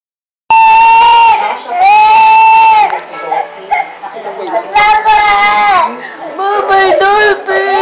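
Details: Infant crying in loud, high-pitched wailing bursts with background voices, at a gathering where Dolphy makes the baby cry.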